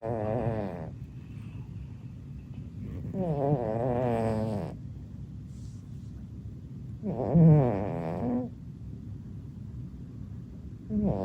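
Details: Sleeping cat snoring loudly: buzzing snores on each breath in, about 17 breaths a minute, with quiet gaps between; described by viewers as sounding like farting.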